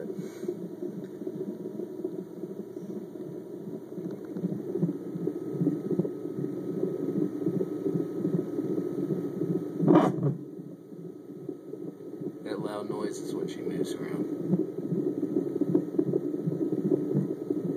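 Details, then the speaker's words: Rapid, regular whooshing fetal heartbeat on Doppler at about 155 beats a minute, with loud bursts as the baby girl moves around a lot. "this is baby she likes to move around a lot there's her mama hi see this is what's where all the sounds coming from like a robot"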